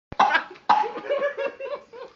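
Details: A monkey at the Pemali hot springs in Sungailiat, Bangka, coughing.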